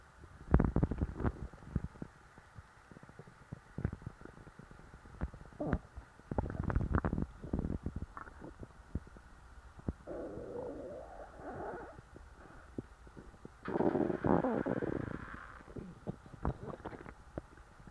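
Irregular gurgles and low rumbling growls from the belly, with longer bubbling stretches; ordinary bowel sounds after a full meal.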